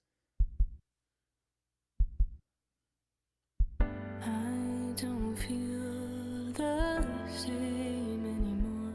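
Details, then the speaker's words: A musician's own heartbeat recorded to open a song: three slow, paired lub-dub beats, about 38 per minute, before music covers them; heartbeat. "ah i started the song off with a recording of my heartbeat because i could i just thought it fit the mood of the song so you'll hear the that's that's my actual bum ticker going"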